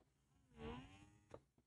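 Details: Doopser 10 (8010) hands-free wearable breast pump at a higher speed setting: a soft, very quiet rising and falling motor whir with a brief click, one suction cycle in expression mode.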